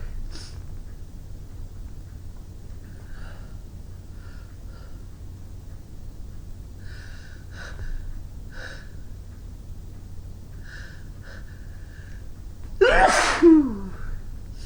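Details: Winter sneeze from a person with a runny nose after clearing snow: quiet sniffing and shaky indrawn breaths build to one sudden loud explosive sneeze near the end, in a quiet room.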